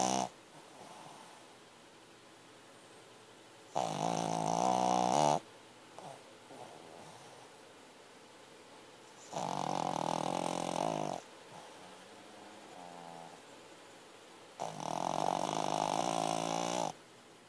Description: He always snores like this or worse....no wonder I have trouble sleeping! !